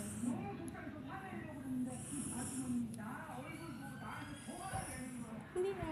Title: snoring~ zZzzzzZ